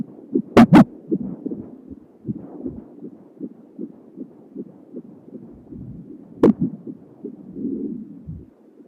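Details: Home Doppler at 31 weeks of pregnancy with a female fetus: fast, soft whooshing pulses with a few loud knocks from probe movement; fetal heartbeat on Doppler.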